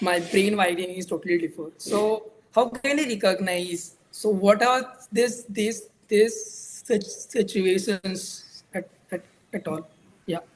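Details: Real stammering in a male speaker who reports situational difficulty, able to say certain words alone or at a mirror but not in front of a crowd; stuttering.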